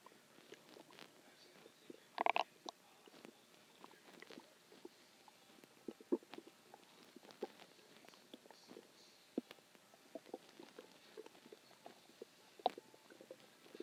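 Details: Stomach growling a few hours after a huge meal (cheeseburger, fries, three eggs, onion rings, cheese stick, chicken tenders): quiet irregular gurgles, pops and rumbles from the abdomen, normal bowel sounds (borborygmi).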